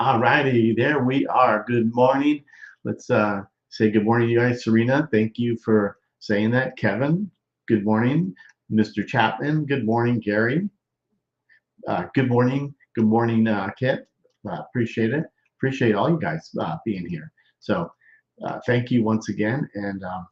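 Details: Male stroke survivor more than 13 years post-stroke with non-fluent aphasia, with word-finding difficulty, trouble with small function words and word substitutions; expressive (Broca's) aphasia.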